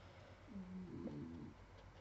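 A sleeping dog gives a soft, whistling, hum-like snore on one breath, ordinary snoring in a tired dog.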